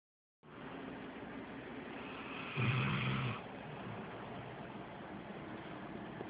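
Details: Rottweiler/Pit Bull mix female dog sleeping with mouth slightly ajar, lifelong snorer with no medical condition, recorded on phone: one low rumbling snore against steady hiss.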